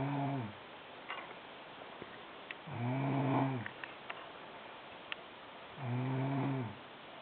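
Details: Sister snoring very loudly in sleep: low, buzzing snores about every three seconds, roughly 20 a minute, each lasting about a second.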